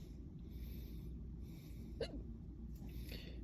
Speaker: in the back with hiccups.